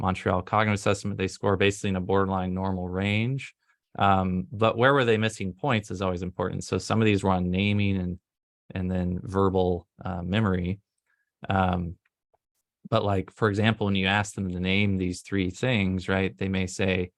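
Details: Adult male speaker; normal speech.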